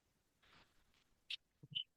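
Faint hiss of airflow followed by sharp clicks and soft thumps from a home ventilator cycling.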